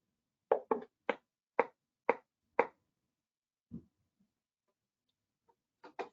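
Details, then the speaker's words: Facial repetitive nerve stimulation demonstration on a Cadwell Sierra Summit EMG machine; train of four shocks, then after exercise (patient scrunching face); quick run of sharp clicks, low thud, another click pair; nerve stimulator shocks. "okay so we're gonna give four shocks here and they look good 05% actually um increase here comes another four zero and then I'll uh exercise"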